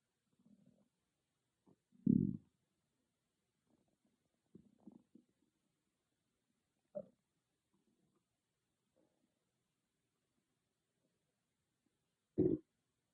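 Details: Own stomach growling recorded with an iPhone microphone, not an ASMR microphone: quiet gurgles and a few louder low growls in a still room; ordinary bowel sounds (borborygmi).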